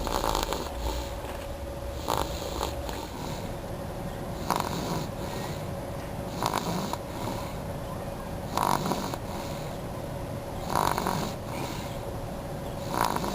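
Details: Snoring while asleep, tired out after a long drive and a bottle: repeated short snorting snores about every two seconds over a steady background hum.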